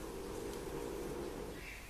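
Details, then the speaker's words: French bulldog snoring while resisting waking up. "That is my French bulldog snoring, if you can hear him. He is resisting the urge to wake up."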